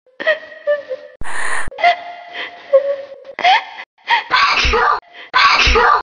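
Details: Staged erotic sneeze performance: breathy vocal build-up followed by two loud explosive sneezes near the end, with a brief tone earlier; sneezing.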